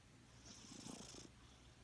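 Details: Resting female cat purring softly and steadily, with a faint snore-like breath sound mixed in.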